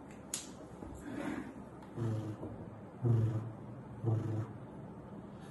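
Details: Vocal imitation of mitral stenosis at the apex: an opening snap after the second sound, then a low, rumbling mid-diastolic murmur, repeating about once a second.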